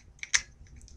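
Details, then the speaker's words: GemStar epidural infusion pump: a small tap, then a sharp click as a new cassette is pushed down and seats, confirming it is properly installed before restarting the infusion. "and then it should make a click stand when it's been properly reinstalled"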